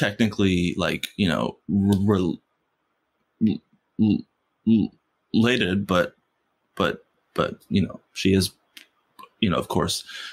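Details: Adult man who has stuttered since first grade, stuttering most when asking for things or saying something important; stuttering.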